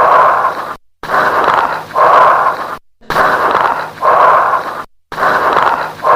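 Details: Auscultation recording: loud, hollow, tubular breaths at about 30 a minute with late-inspiratory crackles; bronchial breath sounds with late-inspiratory crackles, suggesting consolidated lung.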